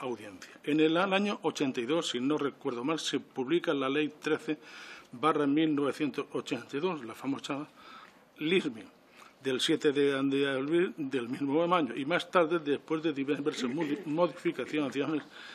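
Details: Adult man who stutters (real, self-reported), speaking before a parliamentary commission; he says he takes longer to say things than to think them; stuttering.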